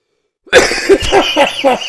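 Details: Quick run of about five short, light, voiced coughs in close succession after a brief silence while vaping; a small coughing fit.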